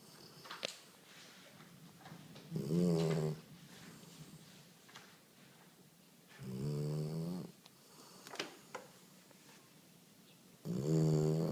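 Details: Sleeping female dog: low, rumbling, vibrating snores on each breath, about every four seconds, with quiet breathing between; snoring.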